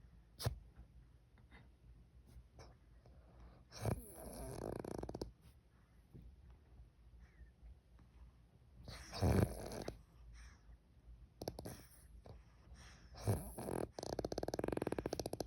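Rough, irregular snoring breaths with snorts and rattling at uneven intervals, over background rustling and clicks.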